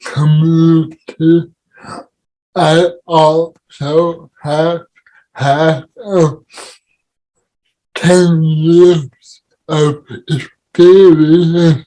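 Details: Adult man with cerebral palsy: dysarthria (cerebral palsy).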